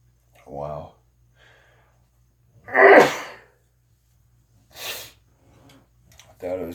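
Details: An adult gives a few loud sneezes with quiet breaths between them, part of a prolonged bout of repeated sneezing.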